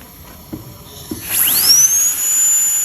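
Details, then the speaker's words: High-speed dental handpiece starting the mesial side of tooth #46 on a phantom head for a full metal crown, 0.8 mm reduction: soft clicks, then a whine rising quickly to a steady shrill tone, bur parallel to the long axis. "So start from the top and just go slowly. Keep the burr parallel to the long axis of the tooth."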